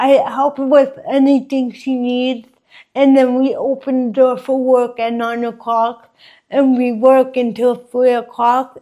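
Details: Dysarthria in an adult woman with congenital cerebral palsy, present since birth, which she says affects her walking, face, mouth, drooling and speech.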